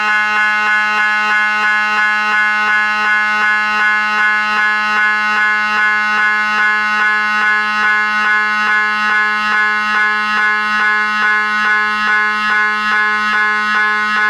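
Loud, steady rapid buzzing beat, about 150 pulses a minute, over a constant tone; MRI scanner noise.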